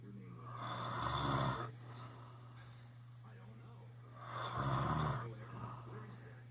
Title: he says he doesn't #snore